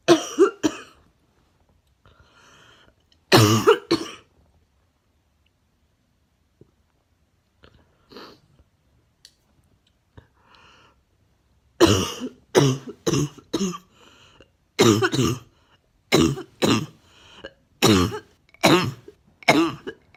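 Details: Repeated harsh cough bursts, some loose and rattly, others with a hard barking edge: a wet, barking cough.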